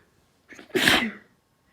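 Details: Induced sneezing by a female recovering from a cold: a short breath in, then one forceful, hissing sneeze.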